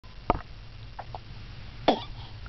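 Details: Two short, sharp coughs with faint throat sounds between them from a child.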